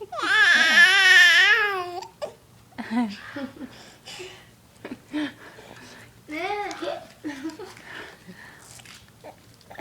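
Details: Infant crying while having hiccups: a loud wailing cry, then fussy whimpers and babbling sounds.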